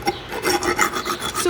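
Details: Horse (Tilly) held open with a ratcheted speculum: repeated harsh rasping strokes of a metal file across the molars during routine equine dental floating by an equine dentist.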